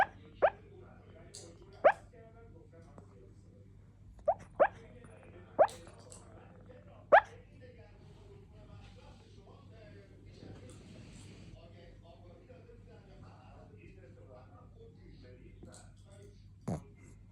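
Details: Puppy hiccups: seven sharp, brief hiccup sounds over about seven seconds, then quiet and a last one near the end, over steady background hum.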